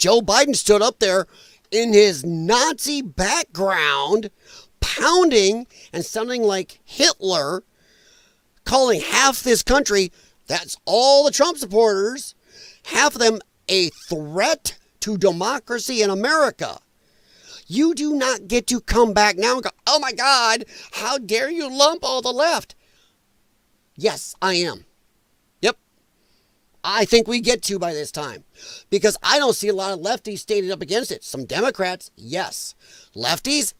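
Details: Dysphonia in a man who attributes it to vocal cord damage from infections related to his lung problem and regards it as a disability.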